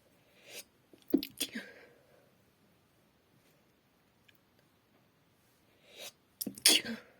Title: Just a sneeze (F)